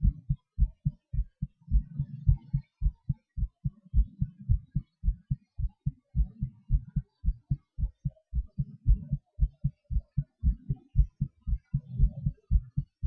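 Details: Own heartbeat recording during breath-holds and panting (hyperventilation), rate speeding and slowing: regular low thumps around 110 a minute with odd sounds; normal heart sounds with rate changes.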